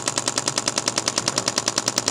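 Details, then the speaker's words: Rapid, regular sharp clacking at about ten pulses a second from a radial shockwave device on an adult man's tender right neck muscle, pressure adjusted, muscle pinned while he slowly turns his head. "all right it's getting loud and you can see by how much he slowed down that Mo motion we're really pinning that muscle"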